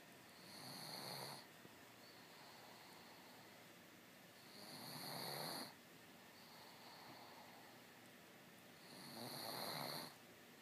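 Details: Pug snoring while asleep: three rough, rattling inspiratory snores about every four to five seconds, roughly 14 breaths a minute, with quiet gaps between.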